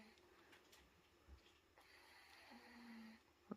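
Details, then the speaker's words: A dog snoring nearby: one faint, drawn-out breath with a low buzzing tone over quiet room noise. "she's right there right i'll try and talk over the snoring dog"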